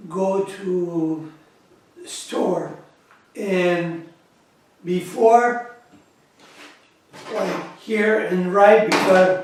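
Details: Adult man with aphasia after a massive stroke in September 2013 with right-side paralysis; speech lost completely, slowly regained through daily therapy, still struggles to get words out, worse when tired later in the day.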